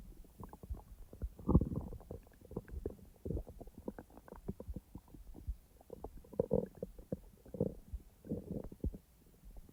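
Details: Soft, irregular bubbling and gurgling pops with occasional louder squelches: a person's real, normal digestive bowel sounds, not recorded in real time.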